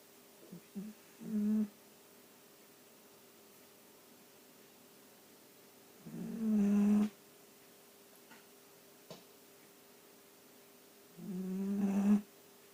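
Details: Sleeping dachshund (sausage dog) snoring: nasal, buzzing snores, irregular, roughly every five seconds, in a quiet room.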